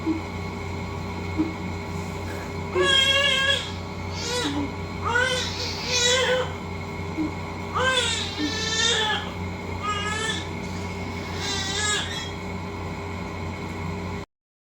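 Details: Strong, rhythmic crying in repeated bursts from a big, healthy newborn just after a normal vaginal delivery, born 11:29, with a steady room hum; newborn cry.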